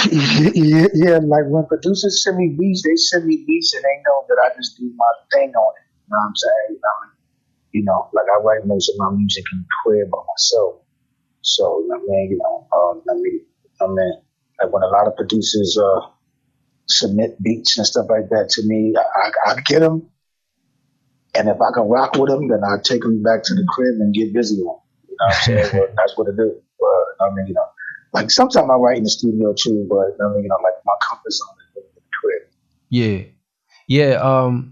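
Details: Adult male rapper with self-described bad stuttering running in both sides of his family (father, maternal grandfather); stuttering.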